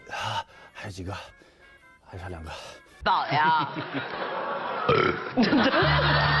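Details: An actor deliberately burping on a TV show: several loud, deep, croaking burps, followed by music and studio talk.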